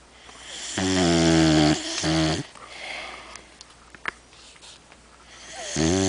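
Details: Overweight female dog snoring loudly while asleep: three rattling snoring breaths in six seconds with quiet pauses between.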